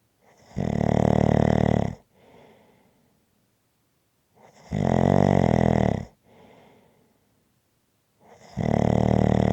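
Loud, rattling snores on each breath in, about 15 breaths a minute, each followed by a quieter breath out.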